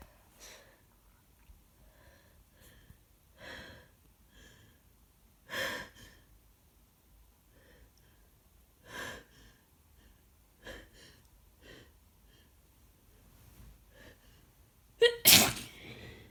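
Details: An adult with a head cold, sore throat and stuffy nose breathes in wet, sniffly breaths that build to one loud, explosive, messy sneeze with congested breathing.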